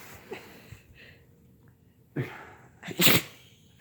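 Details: Dog sneezing: quiet sniffing, then two sharp, explosive sneezes, the second louder.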